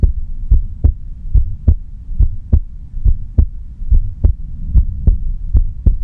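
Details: Nainai's heartbeat, listened to quietly with no talking: steady low thumps at about 70 beats a minute over a faint hum; a normal heartbeat.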